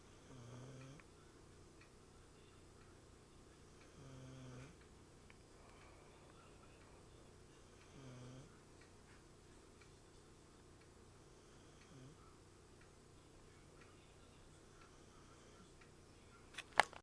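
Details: Soft, regular snoring in a female sleeper, one breath about every four seconds (roughly 15 a minute), very quiet over room noise.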